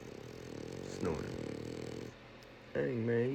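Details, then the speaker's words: French bulldog passed out asleep after a ride: loud, rough, rattling snore with a second vocal-sounding snore, likened to a dinosaur; flat-faced dog snoring. "man, you might need a CPAP or something. Good God. Sound like a dinosaur, dude."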